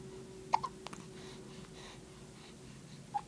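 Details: Baby girl with recurring hiccups, not distressed: two or three brief, sharp voiced catches in a quiet room with a steady hum: infant hiccups.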